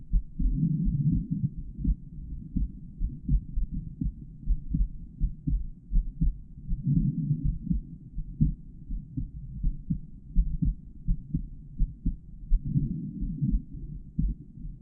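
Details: Normal heart sounds of a male heartbeat recorded in real time through a microphone inside stethoscope earpieces while auscultating the heart valve areas.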